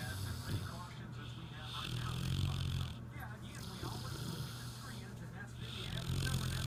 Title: Rebel snoring like a train